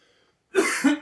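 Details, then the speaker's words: Adult gives one short, rough cough with two quick pushes after brief silence, performed in a comedy skit and blamed on mucus in the throat: cough. "I just got a frog in my throat oh really well how come I don't hear it ring I don't hear a r r r that was an expression I mean I think I got some mucus in my throat"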